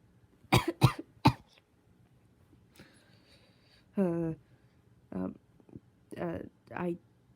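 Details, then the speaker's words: A person who cannot stop coughing, with a sore throat and a cracking voice, gives three sharp coughs in quick succession, then short strained, cracking voiced sounds: persistent dry-sounding coughing that hurts. "i cannot stop coughing and so it's messing up my voice so that's fun"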